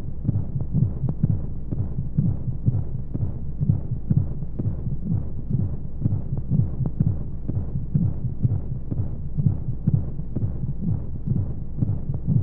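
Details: Womb sound for baby sleep: steady, muffled, low heartbeat thumps at roughly 125 per minute over a soft rushing hum of white noise and monotonous flowing sounds. Heartbeat.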